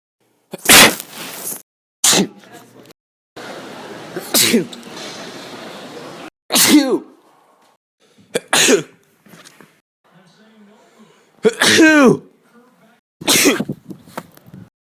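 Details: Repeated sneezing: a series of about seven sharp, explosive sneezes with brief pauses between them, in a small room.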